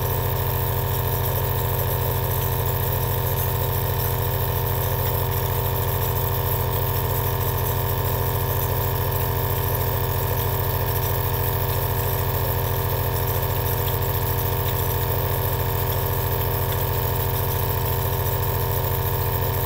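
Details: Compressor aerosol nebulizer running continuously: a steady, low mechanical hum with fast, even rhythmic pulsing at about two pulses a second.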